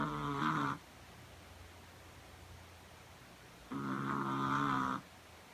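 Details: Minnie, exhausted after a long day of slalom skating: two drawn-out, tonal, buzzing breath sounds separated by a quiet pause: snoring.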